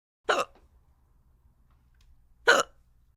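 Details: Animated cartoon character Pencil hiccuping during a kindergarten numbers lesson: two short, sharp hiccup sounds about two seconds apart in an otherwise quiet scene. Acted, not real, hiccups.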